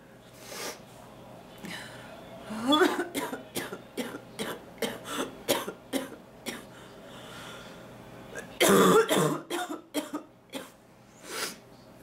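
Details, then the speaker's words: Adult woman, repeatedly sick, with an annoying tickly cough that is more productive at night but won't shift today, feeling dizzy and light-headed; repeated short coughs and throat clearing in bouts over about twelve seconds, one louder harsh burst. "this is just like an annoying ticklish annoying cough at least at night it's more productive today it's just sitting and it won't move"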